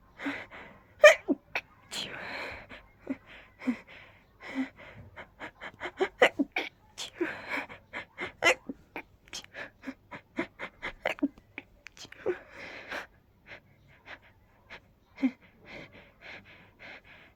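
Many short, breathy, stifled sneezes come in rapid runs with brief gasping inhalations between them.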